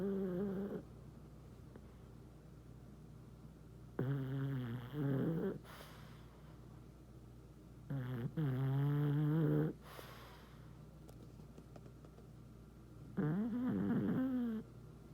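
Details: Snoring: repeated rumbling, partly whistling snores about every four to five seconds, roughly 13 breaths a minute, against a steady background hum.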